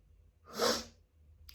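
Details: Person with autumn allergies sneezing just after coming in from a walk: a single breathy, hissing sneeze in a quiet room.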